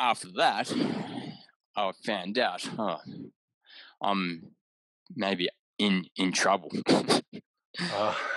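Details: Adult man with aphasia after a haemorrhagic stroke caused by an AVM at age 34, recorded about six years later; right-sided deficits, vision issues, word-finding difficulty, mixing up similar objects; aphasia.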